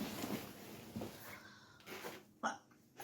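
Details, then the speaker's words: Hiccups while making dinner in a kitchen, with frequent yawning: sudden short, sharp intakes of breath against quiet room sound, the clearest near the end; typical hiccups. "man it's a beautiful day outside what a day for me to have to have hiccups and be stuck inside"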